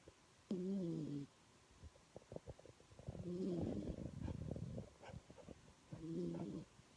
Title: yorkie our "KLAY" is snoring..